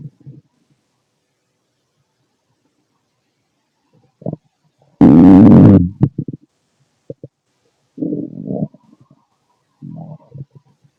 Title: Male stomach noise, digesting food. Guess what's inside?